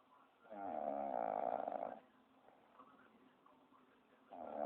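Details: A dog snoring heavily in its sleep: a loud, rough snore on a long inward breath, a quiet pause, then the next snore starting.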